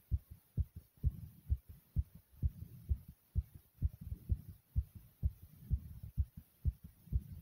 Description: My heart was pounding very hard here.